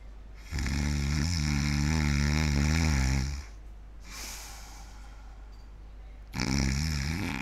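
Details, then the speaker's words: Adult man imitating sleep to illustrate stertor: loud, harsh, rattling snores, said to be loud enough to wake the dead; stertor (snoring). "I fell asleep so what did you think of my starter my breathing was it sturturous I've been told that my stirter is so loud that it could wake the Dead"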